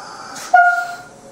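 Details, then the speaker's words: Loud, steady honking from the exhalation valve of a Bio-Med Devices IC-2A pediatric/adult MRI ventilator when the peak pressure is turned way up, pushing a lot of gas through the valve; ventilator exhalation valve honking. "it's because i'm pushing a lot of gas through this exhalation valve"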